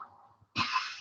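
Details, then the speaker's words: A child in a home video gives two harsh, throat-clearing coughs in quick succession while playing; he coughs at least once a minute. Habit cough in a functional respiratory disorder. "There was another cough. So at least once a minute, he's having a cough."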